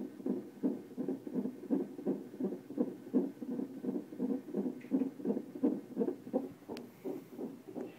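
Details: Fetal heartbeat recorded in hospital before birth on a Doppler monitor: fast, regular whooshing pulses at roughly 170 beats a minute.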